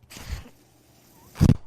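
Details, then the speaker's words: Speaker's own mechanical ventilator, heard while they talk during recovery from an illness: two soft airy puffs with low thuds, a second apart, as it cycles air. "that noise you're hearing is my ventilator thank you for tuning in to only what you take with you presented my page Jers they were not my Star Wars Podcast May the force be with you"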